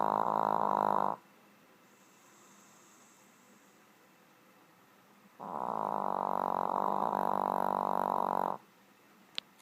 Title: Stewart the Snoring Shih tzu